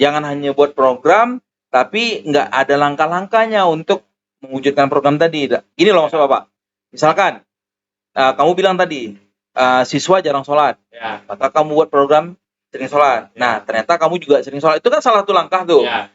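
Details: Adult male speaker; normal speech.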